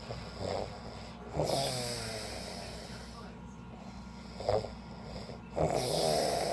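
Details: Irregular snorts and rough snoring breaths, some whistling and whiny, over room noise from a sleeping person lying down in a hotel after a beach trip; snoring.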